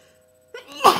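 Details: Single unstifled sneeze during a person's second cold of the year: brief indrawn breath followed by one sharp, explosive sneeze.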